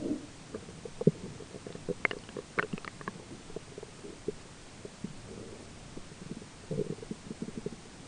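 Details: Adult's own stomach recorded during digestion, with a roommate talking in the background: irregular gurgling, bubbling and low rumbling clicks over faint room noise, ordinary bowel sounds (borborygmi).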